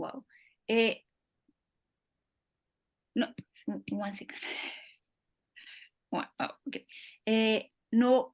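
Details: Ischemic stroke five years earlier in an adult man, with resulting aphasia; halting speech with frequent pauses and fillers; aphasia.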